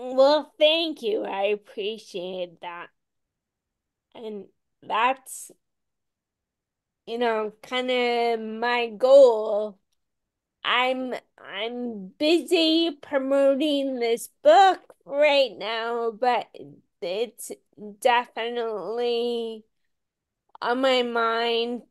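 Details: Ataxic dysarthria in a woman with Friedreich's ataxia, a rare, genetic, progressive disease diagnosed at age 16; she reports voice issues.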